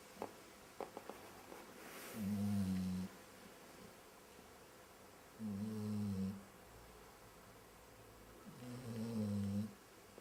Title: My dog starts snoring while her eyes are still open...